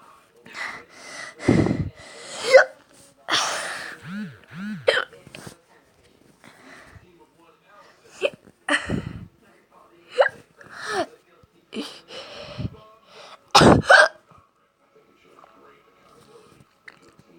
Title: My hiccups are keeping me from charging my phone